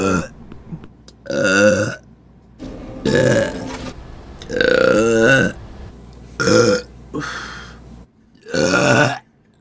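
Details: A run of about six loud, drawn-out voiced burps separated by short pauses, with groaning and apologies around them; repeated belching.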